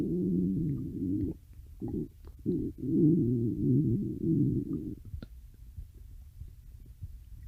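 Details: Stomach growling: low gurgling, rumbling bowel sounds in bursts, then fading to quiet faint gurgles; ordinary borborygmi.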